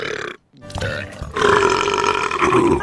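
A loud, drawn-out cartoon burp over background music, after a brief silence.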